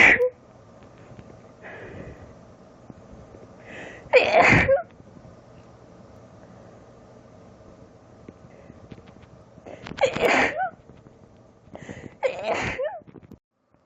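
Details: Woman, short strong allergy sneezing fit in bed: about four sharp explosive sneezes, each preceded by a short indrawn breath; recording cut off mid-fit.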